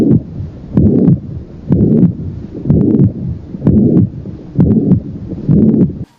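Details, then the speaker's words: Mitral regurgitation heard through a stethoscope: regular heartbeat near 62 a minute, each beat carrying a long blowing murmur. "这是二尖瓣狭窄，这是二尖瓣关闭不全，"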